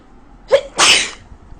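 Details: A woman with a very bad cold: a quick sharp intake followed by one loud, explosive sneeze.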